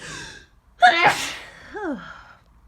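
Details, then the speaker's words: A gasping intake, then one loud explosive sneeze with a short vocal tail, in an adult who woke with body aches and suspects a cold or flu after sneezing all morning. "I need to. I've been sneezing like this all morning."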